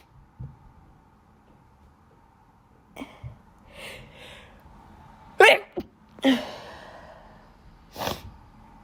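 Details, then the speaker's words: Student with allergies, not sick, sneezing all day, itchy nose, can't stop; several sharp sneezes in quick succession with breaths between: repeated allergic sneezing. "I'm gonna sneeze. I sneezed all day at school today. I'm not sick. Just allergies again. Always."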